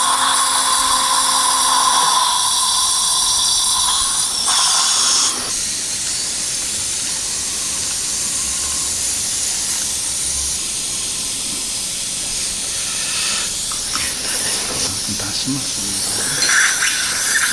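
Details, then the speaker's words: Implant motor whining with pitch shifts and pauses over steady hiss while seating a TS3 5.0×10 mm fixture at upper molar site 16 in a 63-year-old man with poor bone quality, guided surgery. "TS3 5.0 by 10 millimeter is going to be done, and final drill is going to be done up to 4.5. Fixture installation is going to be done."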